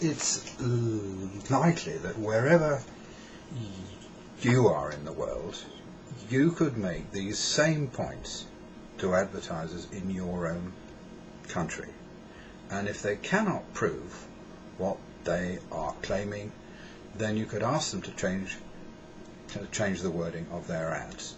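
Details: Adult male with a stammer, which he describes as a neurological condition caused by faulty brain wiring, with days when the struggle to speak is unrelenting; stammering.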